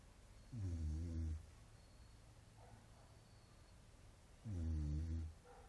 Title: Dog snoring